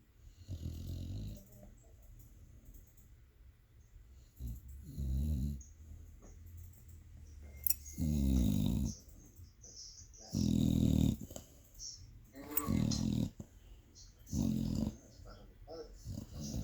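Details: Senior dog snoring loudly in sleep, low rumbling bursts roughly every two to three seconds, appearing to dream; snoring.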